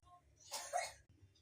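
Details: A single short, harsh burst of an adult cough, heard faintly against low kitchen noise during cooking.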